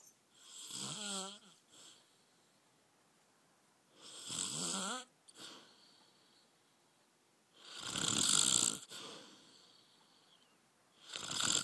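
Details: Adult man (husband) snoring during sleep: loud rattling snores on inhalation with quiet pauses between, about four breaths in twelve seconds, in a quiet room; ordinary snoring.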